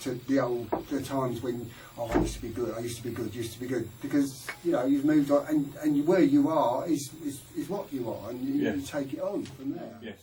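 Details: High-level aphasia in an adult man who says he is scared to talk to people.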